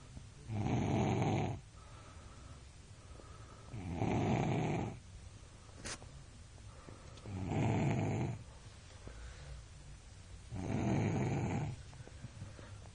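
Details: 3-year-old boy snoring very loudly: loud, rough snores on each breath in, four in 13 seconds, about 18 breaths a minute, with quiet exhalations between them; snoring.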